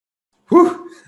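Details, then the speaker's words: An adult announces an imminent sneeze mid-webinar, then a single sudden, voiced sneeze bursts out of silence and fades quickly. "and it gives hope hold on i'm gonna sneeze hold on"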